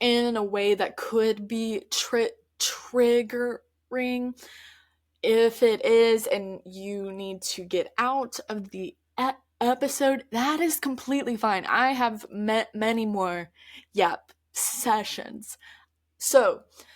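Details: Stuttering in an adult woman who stutters, heard in her real, spontaneous conversational speech.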